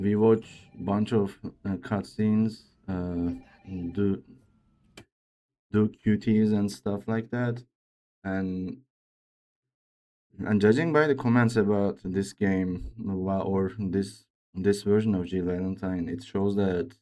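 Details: Male speaker with a self-reported speech disorder, type not named, which he says sounds like a game character's but much worse; disfluent speech.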